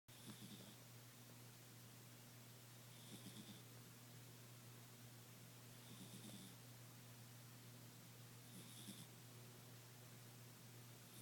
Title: snoring